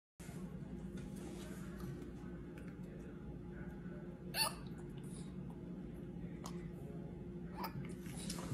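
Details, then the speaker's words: A pet monkey (chimp) with hiccups. "got hiccups? I think you've got hiccups. We're gonna have to take care of that."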